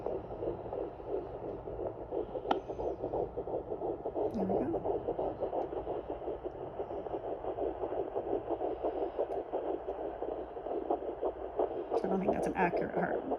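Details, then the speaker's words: Rapid, regular whooshing fetal heartbeat at about 170–180 a minute, much faster than the mother's, heard on a Sonoline B home fetal Doppler at 10 weeks 2 days of pregnancy. "now you'll know that it's a baby's heartbeat because it's going to be way faster than yours there it is"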